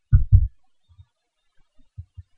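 A strong pair of low thumps followed by fainter, softer beats; a brief heartbeat sound.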